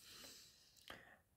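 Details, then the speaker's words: Sneeze heard in the background, below the speaker. "voilà donc vous retrouvez aussi le petit dessin de la toile vous entendez chouchou en train d'éternuer en bas"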